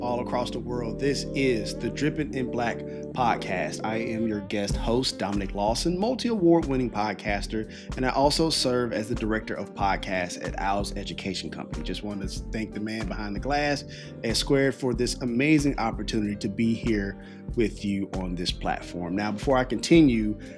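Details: Adult male speaker; normal speech.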